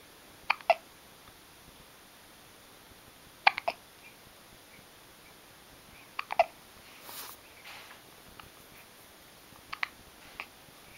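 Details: Baby boy with hiccups: soft, sharp catching sounds recurring every few seconds, often in quick pairs, in a quiet room; infant hiccups.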